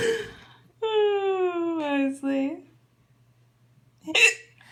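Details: Mother with hiccups while a child laughs: a drawn-out voiced sound ending in a jerky break, then a sudden sharp catch of breath after a pause; hiccups.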